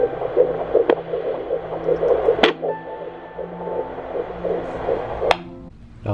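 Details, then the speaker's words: Rapid, steady whooshing fetal heartbeat on Doppler at a 13-week prenatal appointment, around 160 beats a minute, with background hum. "awesome that's our baby"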